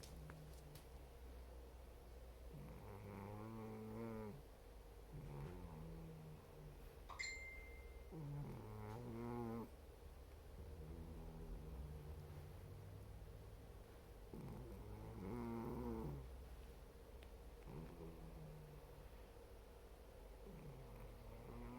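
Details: Sleeping dog snoring: rhythmic, rough snoring on each breath, roughly one breath every three to four seconds, in a quiet room; very sleepy when woken.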